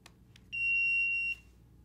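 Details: Two faint clicks, then a single steady high-pitched beep lasting under a second: Philips AED power-on alert tone after inserting the infant/child pediatric key, during AED training.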